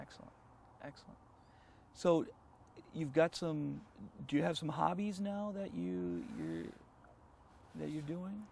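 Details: Adult male speaker; normal voice.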